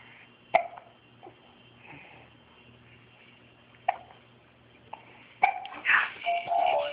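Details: Dog with hiccups: sharp, abrupt hiccup jerks at irregular intervals in a quiet room, with faint talk near the end.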